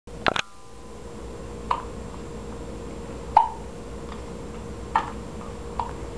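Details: Infant twin boys with hiccups: soft, brief catches about every 1.5 seconds, roughly five in six seconds, over faint room hum.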